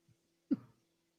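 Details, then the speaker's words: A caller on a phone line to a radio show gives a single short harsh cough or throat clear, an isolated cough. "Then typical Max listener just hacks up. Ugh."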